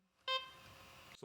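A short clear electronic beep, then a fading hum that cuts off: a mechanical CPR device stopping and switching off without error alarms.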